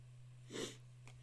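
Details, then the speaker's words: Single sneeze from an adult: one brief, muffled sneeze burst against a steady low electrical hum in a small room. "is what happens when you listening yourself sneeze you lose become all complete train of thought"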